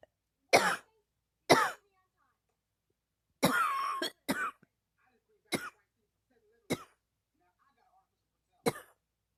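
About eight short, dry coughs come at uneven intervals over roughly nine seconds: a repeated cough.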